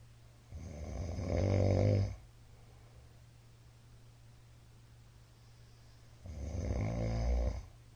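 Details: Middle-aged man's loud snoring during sleep: loud, low, rumbling snores on inhalation, about eight a minute, with quiet stretches between.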